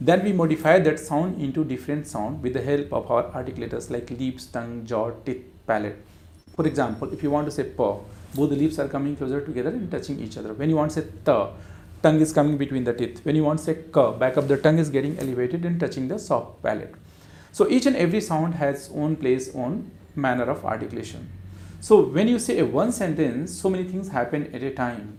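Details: Adult male speaker; normal speech.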